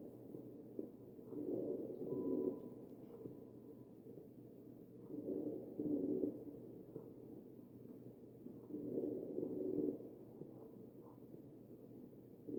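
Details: Wheezing heard over the chest of a real ventilated patient.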